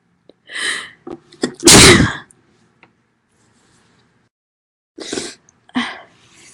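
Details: Female; a gasping intake, then a forceful explosive sneeze, followed by two more quick sneezes after a pause: loud sneezing.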